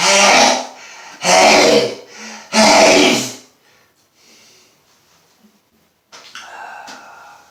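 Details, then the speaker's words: Adult man sneezing after deliberately sniffing pepper, recorded 26 August 2020 while already sneezing a lot that day with a sore throat: three loud explosive sneezes in quick succession, then quiet breathing. "but i had a good request for my number one fan to do this that was a lot of sneezing"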